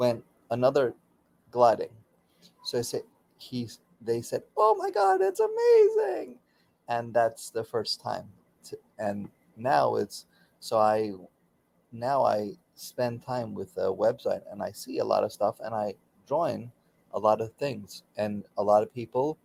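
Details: Aphasia in a man about 16 years after a stroke during surgery; he continues daily speech therapy.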